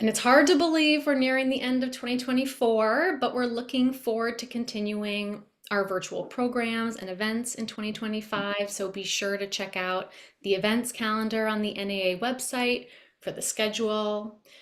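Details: Adult woman speaking; normal speech.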